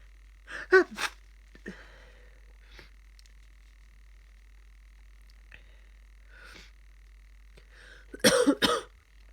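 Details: Tired person with a cold sneezing into a tissue: two muffled sneezes, one at the start and one near the end, with soft sniffing between and a faint steady background tone.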